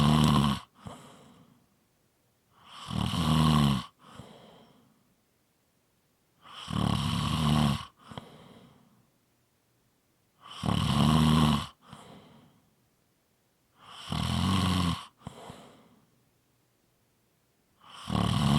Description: Tuesday's are short snoring clips. Friday's are longer audio's.